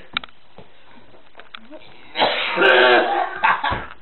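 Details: After a quiet stretch, an adult who just won a contest and gagged on Dr Pepper gives a loud, harsh, gagging coughing burst, then two shorter coughs.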